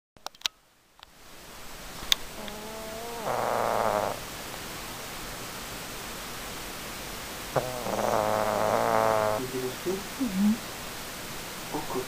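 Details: Pug dog snoring while asleep: two long, rattling snore breaths several seconds apart over room hum, with a few clicks and small noises between.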